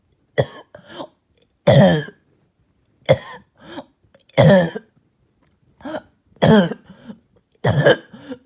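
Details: Barking, hacking cough heard all night: repeated harsh, hoarse coughs in short bouts.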